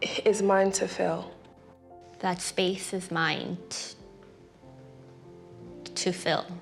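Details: Stuttering in a person who stutters, co-hosting a live Disability Pride event; stuttering is described as a neurological disability causing prolongations, repetitions and blocks.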